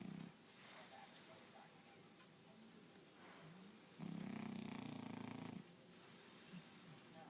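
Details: Sleeping French bulldog: soft snuffling breaths, then a loud buzzing snore lasting about a second and a half; flat-faced dog snoring.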